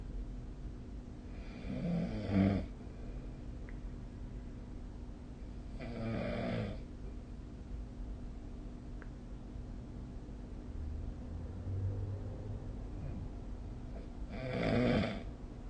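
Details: Snoring during sleep, recorded with a snoring app: deep rattling snores on each breath in, about four seconds apart, roughly 14 breaths a minute, over a steady low room hum.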